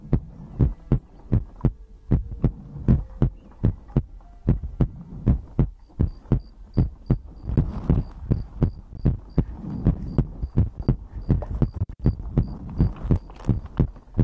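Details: ASMR recording of a person's own heartbeat made for sleep: even, deep heart thumps near 80 beats a minute, a soft repeating beep partway through; normal heartbeat.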